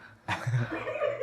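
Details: Adult man giving a single deliberate harsh cough on request that trails into a short voiced, throaty sound, in a quiet studio.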